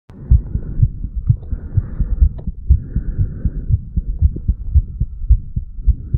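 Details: 35-year-old man's heartbeat recorded at the mitral (bicuspid) valve area after weightlifting; heart sounds after exercise.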